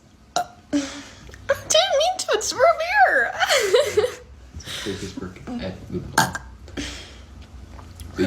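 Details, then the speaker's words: Girl burping: a long, loud, voiced belch with a wavering, rumbling pitch, followed by laughter and chatter in a room; burping. "Root beer gives me burps. >> Root beer gives me the burps."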